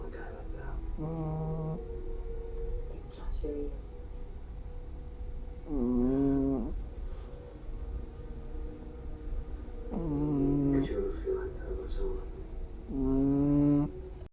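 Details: Chihuahua snoring in sleep: four long, humming, nasal snores about three to four seconds apart over a low room hum.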